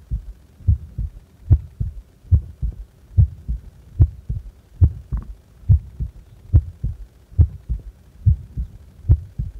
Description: なにもしてない安静時の心臓です